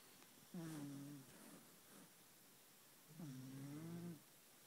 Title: Snoring kitten